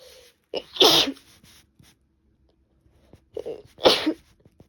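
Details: Sneezing with a cold, female: two sharp, explosive sneezes, each with a short intake of breath before the burst, in a quiet room.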